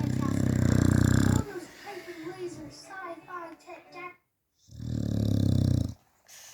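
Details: Staffy dog asleep: two loud, deep, rumbling snores separated by softer snuffling and whistling breath sounds; snoring.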